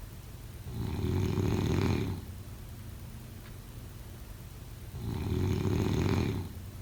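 Two long, low, rumbling snores on inhalation about four seconds apart, with quiet breathing and faint room noise between; ordinary snoring.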